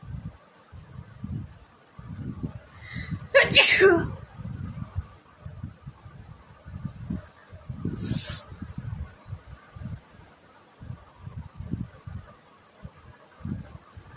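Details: Two sneezes, one loud and explosive, then a shorter one, with soft breathing and quiet sniffing between, from a person doing a sneezing challenge on a very hot day; sneeze.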